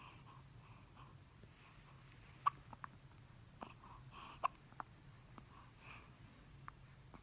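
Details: Infant hiccups: soft, sharp hiccup clicks a few seconds apart over quiet room noise.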